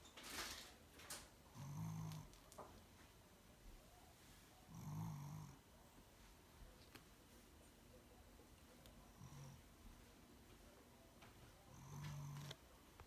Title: Me and mom snoring